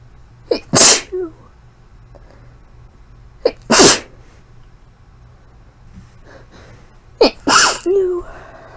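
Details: Deliberately induced sneezing after a month of not inducing: three forceful sneezes, each with a short inward catch before the explosive burst, quiet pauses with faint sniffing.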